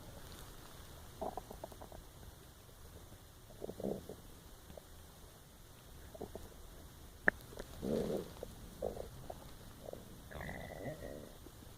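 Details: Irregular gurgling and rumbling bursts with a drawn-out squeaky gurgle near the end, recorded while lying awake unable to sleep; ordinary empty-stomach growling (borborygmi).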